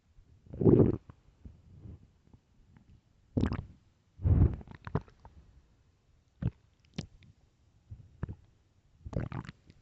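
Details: Intermittent gurgles and low rumbles with short squelchy pops in a quiet room, recorded early morning: normal stomach growling, borborygmi.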